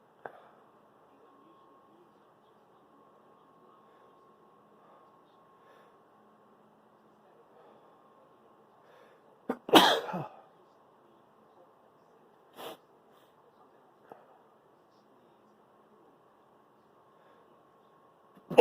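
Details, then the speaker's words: Late-night sneeze at 1am, deliberately stifled to avoid waking family: one muffled sneeze with a short sniff afterward in a quiet room; sneezer then says they want to sneeze again. "I want to sneeze again. I'm too wet."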